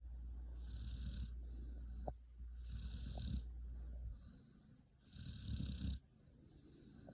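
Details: Cat Abby being petted on the head at night, owner unsure if snoring or purring as it stops when petting stops: low, rumbling, rhythmic sound in long phases with brief gaps.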